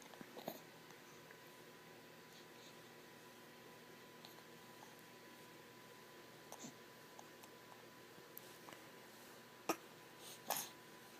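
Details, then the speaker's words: Infant boy sitting up propped on a pillow with hiccups, his whole body vibrating: a few brief, sharp, irregularly spaced gulping catches, about five, in a quiet room. "he's getting frustrated his whole body vibrates when he hiccups"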